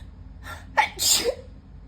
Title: Sniffly sneezing fit